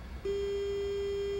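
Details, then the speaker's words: Start beep of an Omnisense 8000S ultrasound bone density (osteoporosis screening) device as a measurement cycle begins on a phantom after a foot-pedal press; one steady mid-pitched tone that holds until the cycle ends. "I'm going to hit the foot pedal and it starts the test and you'll hear that audible sound until the test is finished"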